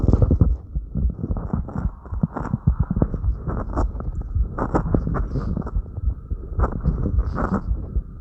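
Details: Fast, thumping heartbeat self-recorded after light crunches, with breathing and movement rustling: normal rise in heart rate after light exercise.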